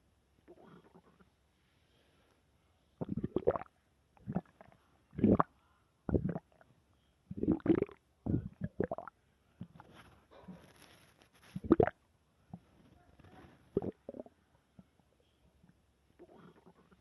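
Gurgling, rumbling bursts with quiet gaps, ordinary stomach growling from gas and fluid moving through the gut.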